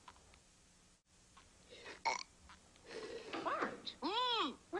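Voiced, croaky burp-like sounds from a cartoon, ending in one long, loud, tonal belch.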